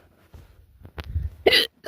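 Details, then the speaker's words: Sharp, abrupt gulping catch of breath followed by a brief noisy burst; recurring hiccups that keep coming back after seeming to stop. "Damn it. Hiccups. Are you serious? Why is it keep going?"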